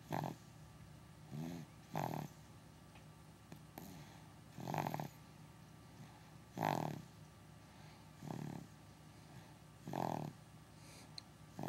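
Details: Dog snoring during a nap: short rumbling snorts about every one to two seconds.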